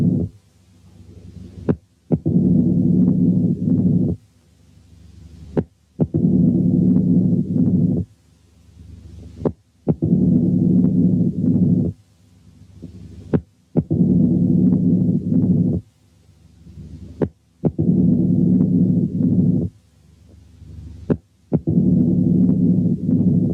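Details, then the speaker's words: Mitral stenosis played slowed, as if the heart rate were 15 per minute, then gradually sped up: an accentuated first sound, a sharp opening snap, and a long low mid-diastolic rumble with presystolic accentuation. "كمان زيادة في التأكيد هنسمع حالة تانية فيها كل الفايندنجز دي بس بالسرعة البطيئة كما لو كانت الهارت ريت 15 في الدقيقة وبعدين هتزيد بالتدريج."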